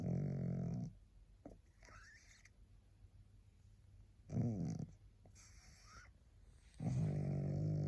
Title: Tired little pug snoring to help you sleep